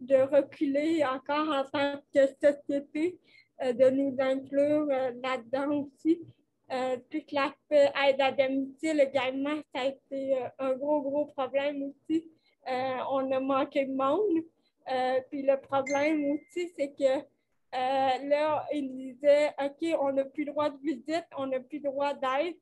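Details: 29-year-old woman with cerebral palsy caused by lack of oxygen at birth, speaking French in an interview; she appears to mention speech difficulties; finding: dysarthria associated with cerebral palsy.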